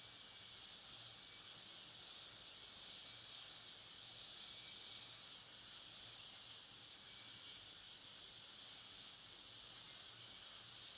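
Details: Continuous high-speed dental drill whine with hiss, flat tapering burr finishing the proximal surfaces and other areas of tooth 46 to an even shoulder finish line for a full veneer metal ceramic crown.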